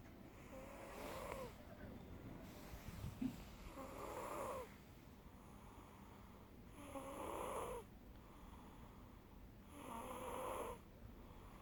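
Rough, rattling snores on each breath, about every three seconds, against steady room hum; ordinary snoring.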